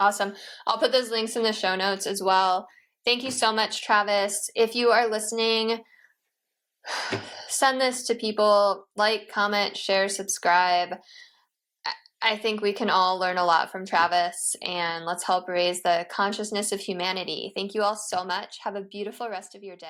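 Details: Adult woman speaking; normal speech.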